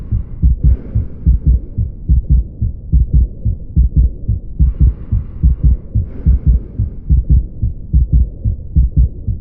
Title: Heart sound ( clinical examination video ) , a video taken from telegram